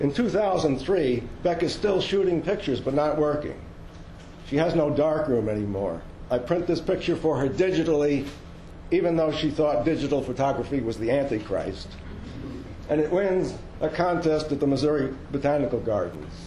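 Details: Adult male speaker; normal speech.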